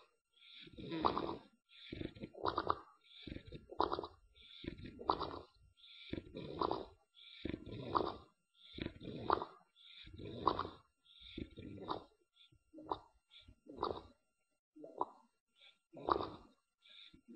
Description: Clifford my English Bulldog catching some afternoon Z Z Z Z Z 's and making a funny noise out the side of his mouth